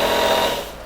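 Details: Nebulizer compressor running during the device function check before a nebulizer therapy procedure for a young child, a nursing procedure demonstration: steady buzzing motor hum that fades toward the end.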